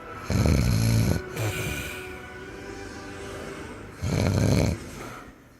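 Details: Two loud, low, rumbling snores a few seconds apart, with faint background music: snoring.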